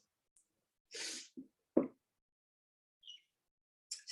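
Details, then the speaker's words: A smoker's allergic sneezing fit, possibly a reaction to pesticides or the strain's terpenes (uncertain): an inward breath, then a sharp sneeze followed by soft sniffs and breathy noises. "affecting my allergies. I don't know if this is from pesticides. I don't know what it might be from."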